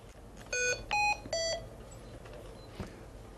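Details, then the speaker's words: Ventilator alarm demonstrated in a lecture on setting pressure and volume limits: three loud electronic beeps, falling then rising in pitch, in a quiet room. "Don't set the alarms so far from where the patient is that they become ineffective. The alarms are meant to irritate you and me, right?"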